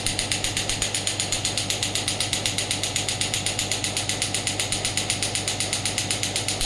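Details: Regular mechanical clicking pulses at a steady pace over a low hum: a pneumatic radial shockwave (ESWT) therapy device firing, demonstrated on the operator's hand at low intensity, then off the hand at higher intensity.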